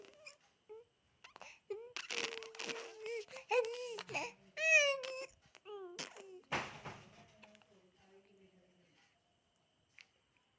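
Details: A crawling baby gives short tonal fussing cries and whimpers that rise and fall, then trail off into quiet; infant cry.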